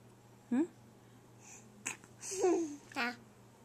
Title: baby sneeze.MP4